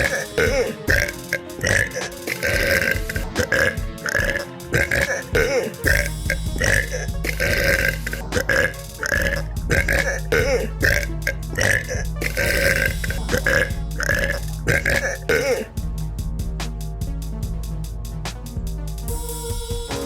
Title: Girl Burps